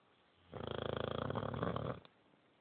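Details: Female dog asleep; one long, loud, fluttering, rattling snore of about a second and a half. Snoring.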